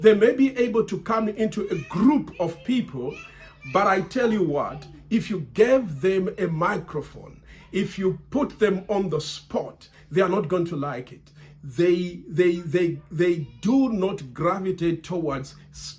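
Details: Man who has stammered since childhood, still stammering under stress and feeling under pressure while recording; word repetitions; stuttering.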